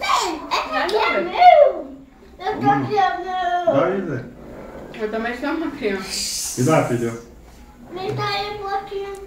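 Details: Young child (about 4 years old) with a cochlear implant; speech of a child with a cochlear implant.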